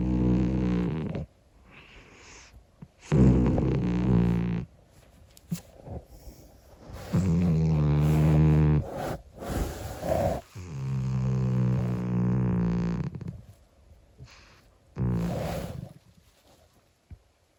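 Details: 25-year-old calico cat snoring in its sleep with low, rumbling breaths roughly every four seconds.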